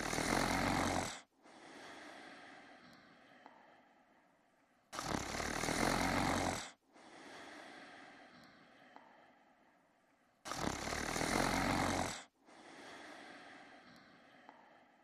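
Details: A man sleeping in his bed snores heavily, with loud rattling snores on each in-breath alternating with quieter out-breaths, about 11 breaths a minute: snoring.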